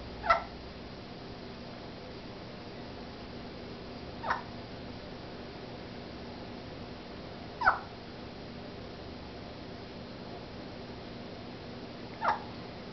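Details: Four brief, sharp, chirp-like catches about every four seconds against steady room noise; repeated hiccups in a small pet named Rosalina.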